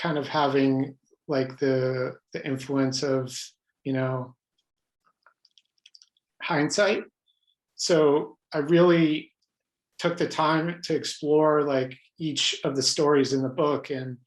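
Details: Adult man with lifelong stuttering, pattern mostly blocks, who reports hundreds of different ways he stutters, speaking spontaneously in a real interview; stuttering.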